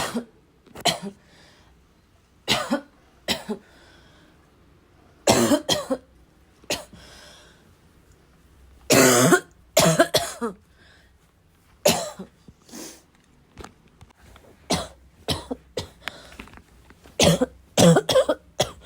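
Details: Repeated harsh coughing fits, about a dozen bursts, barking and chesty with throat clearing and snorts, productive-sounding; self-described as a little wheezy, barking as always, within a 5-minute bad coughing fit: chesty barking cough.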